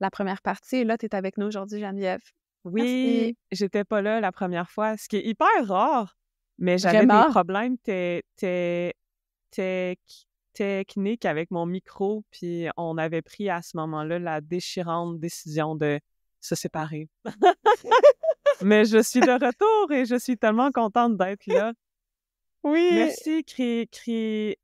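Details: Adult woman who stutters, a speech-language pathologist and doctoral candidate, speaking French: stuttering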